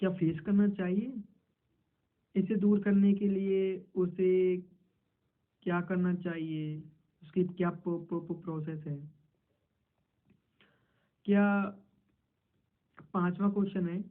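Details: Man who introduces himself as a person who stammers, role-playing a stammering interview in Hindi; stuttering.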